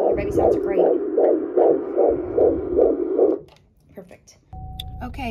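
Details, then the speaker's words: Fetal heartbeat on a Doppler at a 16-week obstetric appointment, rate stated as 152: rapid rhythmic whooshing pulses, then brief room noise. The mother had preeclampsia in a previous pregnancy and says she is not high-risk now. "y'all I made it out my appointment they only checked the baby heartbeat today"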